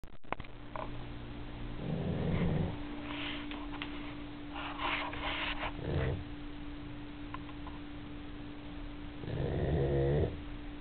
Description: My Dog sleeping after a long day of playing.